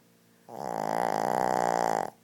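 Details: One long, loud, rattling snore lasting about one and a half seconds from a Shih Tzu dog; very loud snoring.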